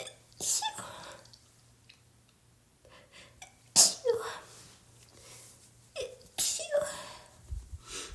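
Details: Three sharp sneezes about 3 seconds apart, each with a quick in-breath, during a cold the person thought was clearing, now sneezing every couple of minutes.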